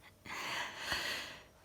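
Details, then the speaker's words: Single sneeze caught on camera by chance: a sharp indrawn gasp followed by one explosive burst of air. "oh dear it's been a long time since i caught her sneeze on camera i just started switched and it just died as well so i caught it on time"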